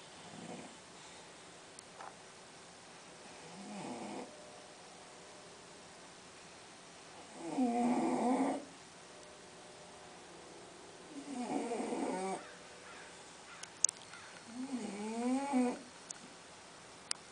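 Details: Rough rattling snores on each breath in, about 16 a minute, in a quiet room; English bulldog snoring.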